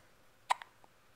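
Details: A single abrupt, short voiced catch followed by faint after-sounds: a hiccup.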